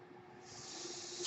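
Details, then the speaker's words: Adult man using a mechanical ventilator while speaking, with the ventilator noise audible in the background. Mechanical ventilator breath cycle. "hello everyone my name is that noise you're hearing is my ventilator and welcome to womp rat Wednesday"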